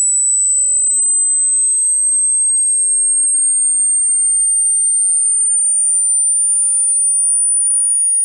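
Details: Hearing test frequency sweep from bass to treble, played at medium speaker volume: a steady pure tone rising slowly in pitch, used to find the upper limit of one's hearing range.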